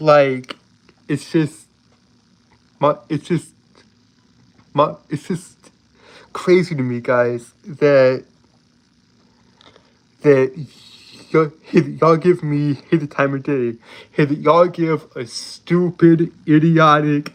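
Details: Adult male with a self-reported speech impediment who struggles for a long time to get out a word; stuttering (speech disfluency).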